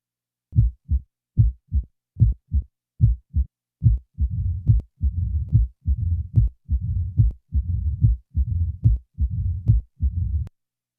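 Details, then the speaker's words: Simulated mitral stenosis heart sounds at about 72 a minute: loud first heart sound followed by a low rumbling mid-diastolic murmur introduced after the first few cycles. "the following example will present each feature of mitral stenosis a loud first sound is followed by a mid-diastolic murmur"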